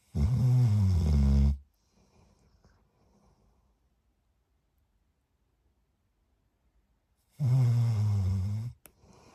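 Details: Sleeping puppy snoring: two loud, rumbling snores roughly six seconds apart, with quiet breathing in between.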